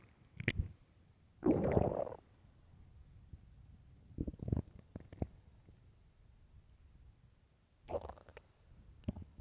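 Loud, low gurgling growls and short squelches from an empty stomach, coming in irregular bursts; ordinary hunger bowel sounds.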